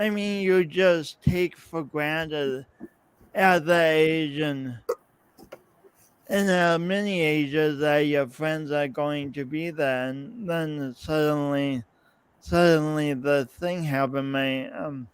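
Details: Adult man, podcast host, with his own lifelong speech impediment and coordination differences; real, not acted; speech impediment with disfluency.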